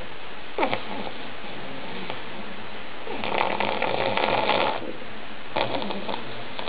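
Loud rattling snores and snorts from a sleeping old flat-faced dog, typical noisy breathing of its short-nosed build.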